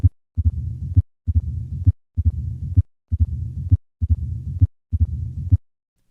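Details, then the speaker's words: Advanced mitral stenosis, three normal beats then opening snap then diastolic murmur added: regular heartbeat near 67 a minute with sharp opening snap and low rumbling diastolic murmur; mitral stenosis. "listen to a patient with mitral stenosis i will start with three normal beats and then add the opening snap and finally the diastolic murmur"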